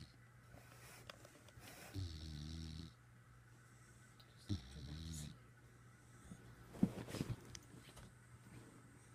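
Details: Snoring from a companion lying on top of the sleeper's head: soft, low snoring breaths with a faint snort, against quiet room hum.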